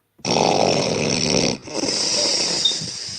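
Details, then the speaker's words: Woman snoring while asleep: one loud, harsh, rasping snore on an in-breath followed by a rougher continuation, with a hissy, noisy background; snoring. "okay she might have me beat um I'm thinking I have snort like this before when I'm dead tired but she just may have me beat"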